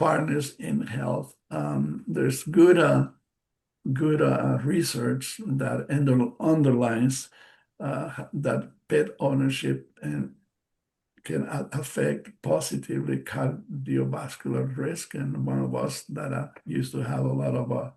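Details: Adult bilingual man with aphasia after a stroke in March 2020: post-stroke aphasia.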